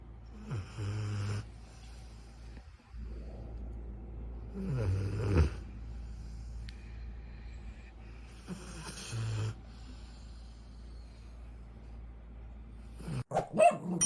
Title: Golden Retriever puppy snores just like an old man